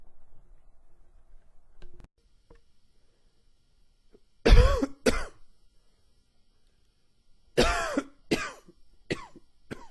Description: The forever changing weather and springs pollen has left me with a lovely wheezy cough.